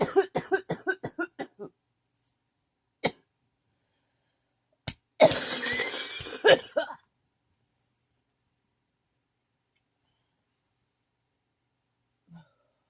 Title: ugh I had a bad coughing fit just got done with it . it's so dry then it's wet hope you enjoy it .